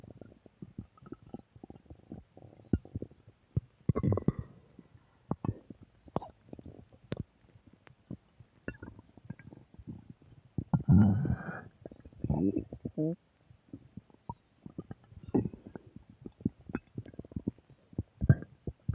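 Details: Irregular low gurgles, squelches and rumbles from the belly, with a louder bubbling run midway; stomach growling, borborygmi.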